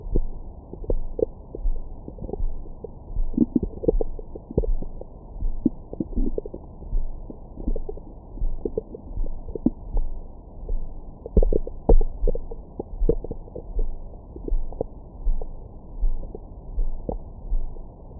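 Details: Bowel sounds recorded with a Stemoscope stethoscope microphone on the belly after a large meal: frequent gurgling bursts and short squeaks over a steady low rumble, lively normal digestion.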